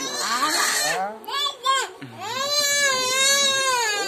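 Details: Loud, wailing cry from a child, with sobbing breaks and sustained high-pitched wails; ordinary crying.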